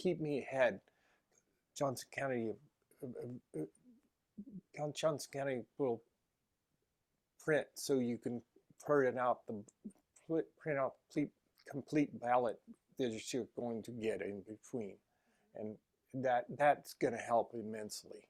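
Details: Adult female with aphasia who has voted with aphasia for 20 years; hesitations and fillers; aphasia.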